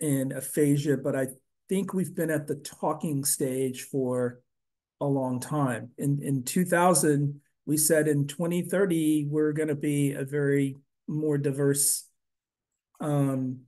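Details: Adult man; typical speech.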